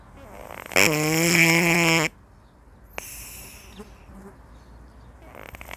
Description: It is the snoring sound of Ilsoon, a cat enjoying a leisurely nap.